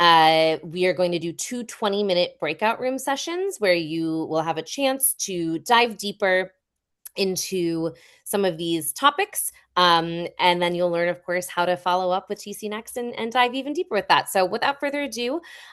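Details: Adult woman speaking; ordinary speech.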